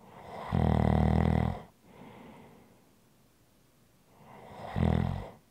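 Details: ASMR snoring sounds: loud, low, rattling snores on each in-breath, each followed by a soft breathy exhale, about four seconds apart; ordinary snoring.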